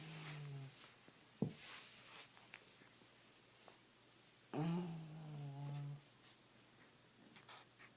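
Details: A sleeping dog, Penny, in a quiet room: two low, buzzing, slightly tonal snores about four seconds apart.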